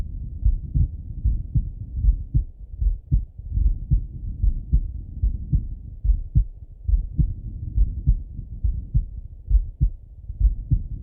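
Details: Male heart auscultated with a stethoscope: steady low lub-dub heartbeat at about 72 beats a minute with no clear extra sounds; normal heart sounds.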